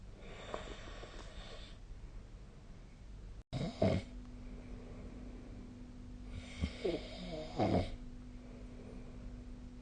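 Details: Snoring during sleep, recorded 2025/05/13 with the SnoreLab snoring app.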